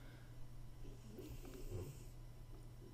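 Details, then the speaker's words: Cat snoring while asleep: faint, low rumbling snore over quiet room hum. "наверно слышите как храпит наша кошка"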